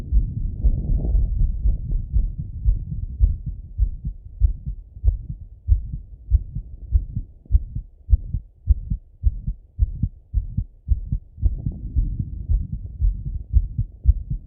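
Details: Male self-auscultating his heart with a stethoscope after a workout set: fast, strong, clear lub-dub beats at about 113 beats a minute; normal heart rate raised after exertion.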